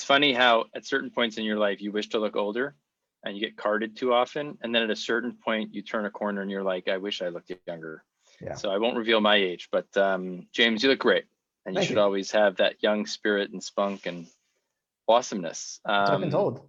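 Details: Adult speaker, podcast conversation; ordinary fluent speech.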